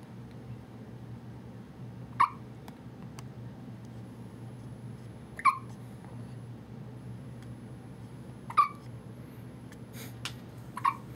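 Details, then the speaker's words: Hiccups in a 2½-week-old newborn boy right after bath time: four short, sharp hiccups about every three seconds over steady room noise. "with his hiccups. you have the hiccups."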